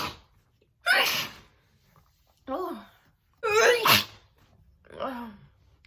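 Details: Two loud, forceful, big wet sneezes, each preceded by a drawn-in breath and followed by a short moan, in a small room; a sneeze attack.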